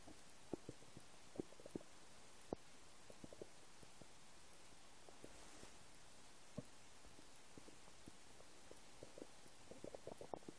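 Soft gurgles, pops and clicks from the belly over a faint hiss; ordinary rumbling of an empty stomach.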